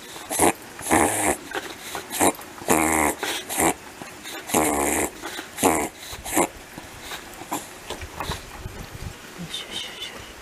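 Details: Dog's reverse sneeze, filmed alongside a Shiba Inu: a run of loud, honking, snorting breaths in quick succession.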